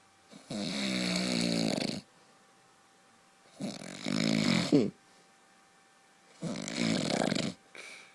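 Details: Loud, rough, rattling inhalation snores roughly every three seconds with quiet pauses between, from a husband snoring "like a truck" in his sleep, bad enough that his wife sleeps in another room; heavy snoring.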